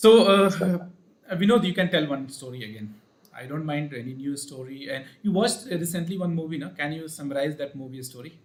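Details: Adult male speaker; Normal speech.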